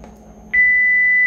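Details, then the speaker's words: Power-on beep of a high-flow nasal cannula (HFNC) oxygen machine, switched on with a long press during a live demonstration: a single steady high-pitched electronic tone that starts abruptly and holds. "तो चलिए अब हम इसको on करते हैं machine को अ कि यहां से यह लोंग प्रेस करेंगे"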